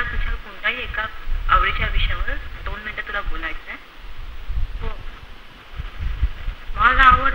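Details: Puberphonia (persistent high-pitched voice after puberty) in a male patient, recorded before speech therapy; his voice was changed to normal in the first session.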